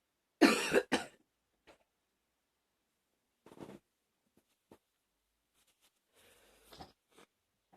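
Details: Two quick coughs then faint sniffs and soft breathing in a quiet room, from a person with a cold who is sniffling a lot.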